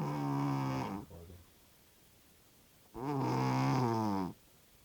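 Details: Sleeping cat snoring heavily: two long, loud, droning snores with rattling buzz separated by quiet pauses.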